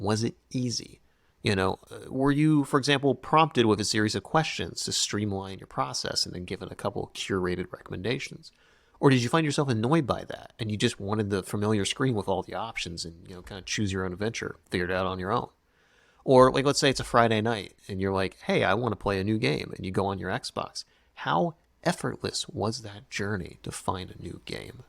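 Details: Adult male speaker; normal speech.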